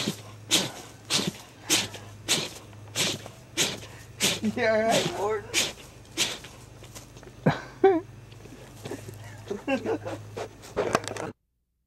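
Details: A bear sneezing repeatedly, short sharp nasal bursts about every half second to second, with voices in the background; sneezing described as allergy problems.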